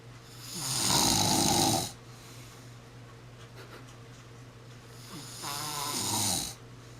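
Two long, rough, rattling breaths with a quiet pause between them, typical of loud snoring during sleep.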